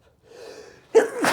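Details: A drawn-in, wavering breath followed by one forceful, explosive sneeze, from a man in a strong sneezing fit deliberately induced by a nasal irritant that burns.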